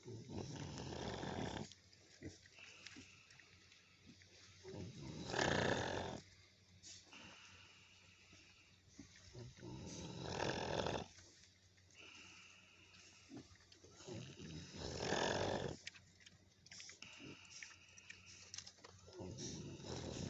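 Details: Sleeping hog snoring: deep rumbling snores, about 13 a minute, with fainter breathing noise between them.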